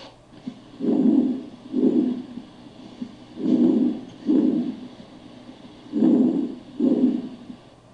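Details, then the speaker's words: Bronchovesicular breath sounds: moderate intensity, medium pitch, heard between the scapulae and beside the sternum at the first and second intercostal spaces. "Murmullo broncovesicular. Sonido de intensidad moderada y tono medio. Se localiza entre las escápulas y por fuera del esternón, entre el primer y segundo espacio intercostal."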